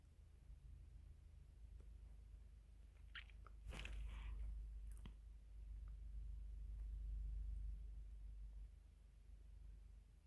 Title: Stomach growling after eating